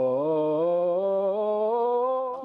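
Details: Sustained loud phonation exercise (LSVT LOUD) in a patient with Parkinson's disease during a four-week intensive voice program to strengthen weakened vocal cords.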